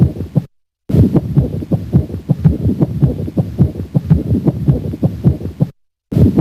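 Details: Pericardial friction rub auscultated at the cardiac apex.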